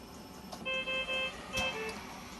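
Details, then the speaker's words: Repeated high electronic alarm tones against room noise from a VG70 ventilator after the patient was put into apnoea for about 20 seconds; apnoea alarm with switch to backup mode. "you can see we've now gone into apnea we've given us a nice alarm at the top and we've moved into backup mode"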